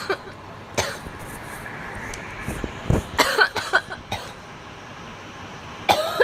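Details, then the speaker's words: Young woman coughing right after a large bong hit of cannabis: bouts of harsh, dry coughing with throat clearing, about eight bursts; cough from irritation after inhaling smoke. "Woo! I'm just coughing from that bong hit. I'm gonna get so high and cough so much after I take a dab."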